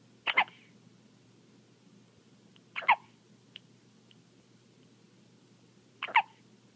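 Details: Three sharp, abrupt hiccups a few seconds apart with faint soft clicks between them in a quiet room: baby girl's hiccups, with her pacifier.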